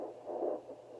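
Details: Home fetal Doppler at 12 weeks, 19-year-old pregnant with a girl, probe pressed hard at an angle low on the abdomen: placental swishing, then a brief, soft pulsing whoosh, the fleeting fetal heartbeat.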